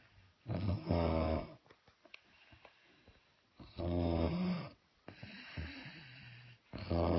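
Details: Sleeping son snoring, unaware, recorded by his brother: loud rattling in-breaths on a regular rhythm with quieter out-breaths, about 19 breaths a minute.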